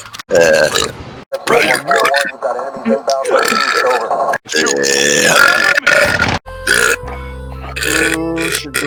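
Several loud, drawn-out voiced belches between short bursts of talk, with music in the background.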